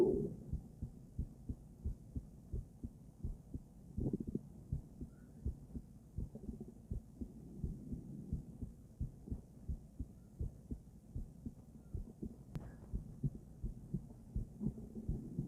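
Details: Female heart auscultated with a stethoscope: regular heartbeats around 86 a minute with brief scraping noise; normal heart sounds.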